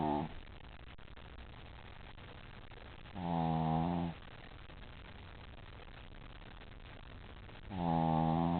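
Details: Dog asleep after a long day at doggie daycare: regular rumbling snores on each in-breath, about every four to five seconds, against a steady room hiss; snoring.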